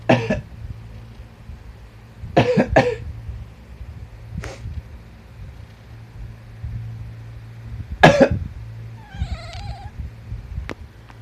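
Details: Cat that dislikes sneezing and coughing, several short, sharp cough-like bursts with a brief meow near the end over quiet room hum; cough.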